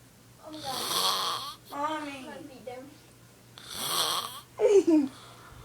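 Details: Loud, rattling snores on slow breaths with brief voiced snorts between, from a mother asleep; ordinary snoring during sleep.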